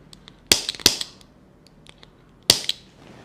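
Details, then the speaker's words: Three sharp, loud clicks from a spring-loaded chiropractic adjusting instrument used to correct vertebral rotation, in a quiet room. "so that little instrument will help you to fix your rotation of your vertebra which is on this part"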